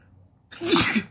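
A single sharp sneeze after a brief quiet moment: a quick voiced intake and then an explosive, hissing burst. An ordinary sneeze.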